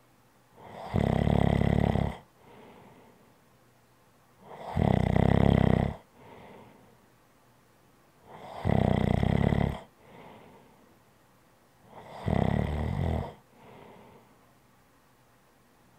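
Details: ASMR relaxation recording: regular loud snores on each breath in, followed by softer breaths out, about 15 breaths a minute. Snoring.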